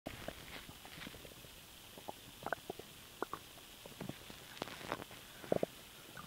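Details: Stomach noise when swallowing air: scattered gurgles, pops and bubbling squeaks over quiet hiss; borborygmi from gas moving through gut.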